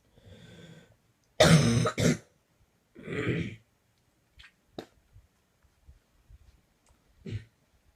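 Several harsh coughs in a quiet room, with softer coughs and breaths trailing off between them: a coughing fit.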